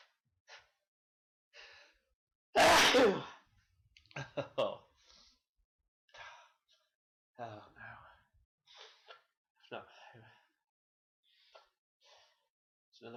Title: Sneezes galore